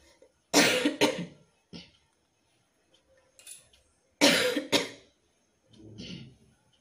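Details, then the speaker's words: Tickly dry cough after festival outings, worse at night, hoarse and sore throat: two loud double coughing bouts with smaller dry, harsh coughs between, irritated-throat cough. "আর কাশতেই ভালো লাগছে না, একটু আগে চা খেতে হবে, গলাটাও বসে যাচ্ছে। তারপর কাশলেও এগুলো পুরো ব্যথা করছে, ভালো লাগছে না।"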